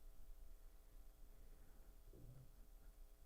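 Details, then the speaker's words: An adult's stomach growling during a conversation, mistaken for a fart: a brief, low rumbling gurgle lasting about half a second over quiet room hiss. "Did you just fart? No, my stomach growling."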